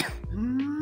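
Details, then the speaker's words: Whooping cough (pertussis): brief cough bursts followed by a deep, rising, high-pitched crowing inhalation, the inspiratory whoop. "you often make a whoop noise as you're trying to get your breath sounds like this you can hear the coughing followed by the deep inhalation or sounds like this"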